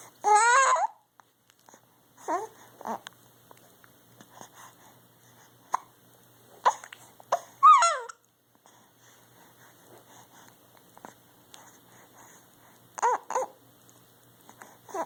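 An infant babbles and coos between short, abrupt hiccup sounds in a quiet room.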